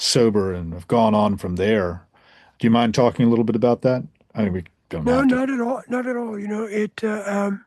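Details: Adult men in conversation; normal voice.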